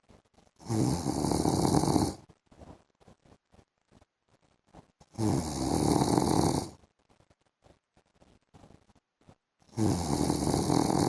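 Loud, harsh rattling snores lasting over a second each, three in eleven seconds, with soft clicks and breath noise between.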